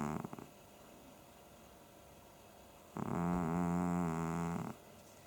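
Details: A cat snoring in sleep: a single long, buzzy, rumbling snore after a quiet stretch.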